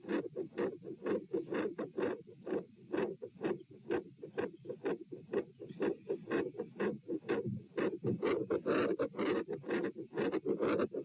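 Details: Heart sounds recorded at chest position P during a lie-stand-lie postural stress test (84-120-126-78 bpm): loud, dense beats near 120 a minute, abrupt loudness swings, scratchy stethoscope rubbing; normal heart sounds at fast rate.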